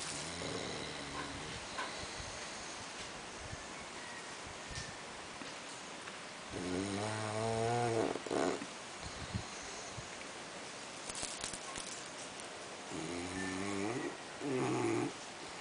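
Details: A bulldog at a nursery: repeated buzzy, vibrating snoring breaths several seconds apart over loud background hiss; snoring.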